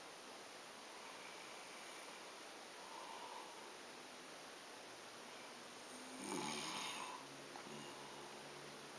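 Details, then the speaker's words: Adult man asleep, who denies snoring, gives one clear rasping snore after a fainter earlier one over steady room hiss: snoring. "He said he don't snore, so I'm gonna show everybody his sound."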